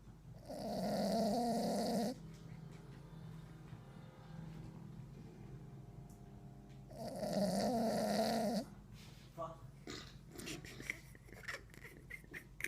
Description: Adorable King Charles Cavalier snoring whilst taking a nap